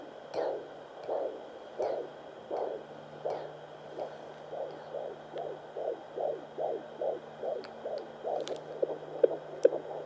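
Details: Fetal heartbeat at 20 weeks pregnancy, home handheld Doppler, hard to find at first with baby kicking: rapid, regular whooshing pulses around 145 a minute, about twice an adult's rate.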